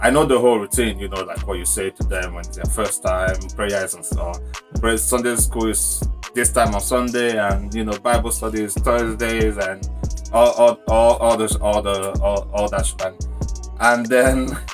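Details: Adult man whose stammer began suddenly at age 14 while speaking before a crowd, worse for years, still arising when nervous as long pauses or word repetitions; stuttering.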